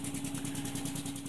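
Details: SensorMedics 3100A high-frequency oscillatory ventilator running: rapid, even mechanical buzzing pulses about ten per second with a steady motor drone.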